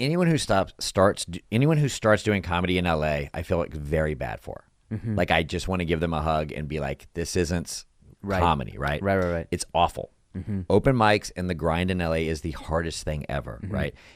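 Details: Adult man in conversation; typical speech.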